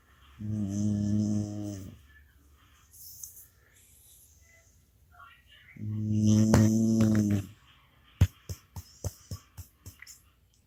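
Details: Pet sleeping soundly while the husband tries to wake him: two long, loud, buzzing snores several seconds apart, then a run of sharp clicks or taps at the end; loud snoring.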